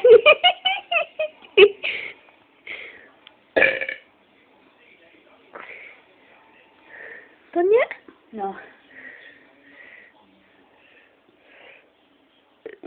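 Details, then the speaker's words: Repeated loud burps, one after another, with brief talk between them, from a woman who says she cannot stop burping all the time; frequent belching (eructation). "yeah not done yet feel another one bubbling I still feel it bubbling"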